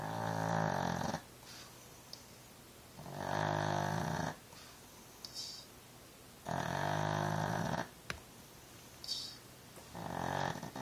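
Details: Female pug snoring while asleep and dreaming, not waking: loud, rattling snores about every three seconds, separated by quieter exhalations.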